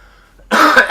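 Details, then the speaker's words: A single short, harsh cough from an adult man with a cold who keeps clearing his throat, after a moment of quiet; cough. "sorry I have a cold so that's why I'm I sound like and I'm clearing my throat all the time"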